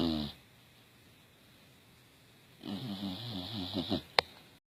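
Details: English Bulldog asleep, cozy in a blanket: rattly, fluttering snore on each breath in, ending in a snort; noisy snoring in a short-nosed dog.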